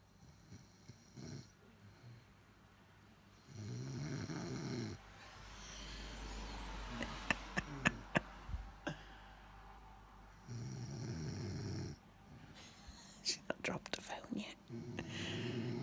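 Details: Snoring in a sleeping woman: repeated low, rattling snores on inspiration with quiet gaps, a few clicks and faint room noise.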